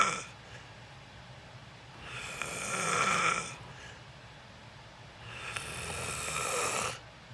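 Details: Person recording themselves sleeping for sleep ASMR, snoring: loud, harsh, rattling snores on breathing in, with quiet breathing out, about four seconds apart in a quiet room.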